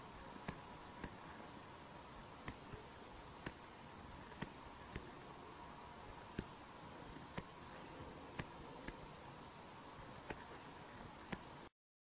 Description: Artificial cardiac valve sound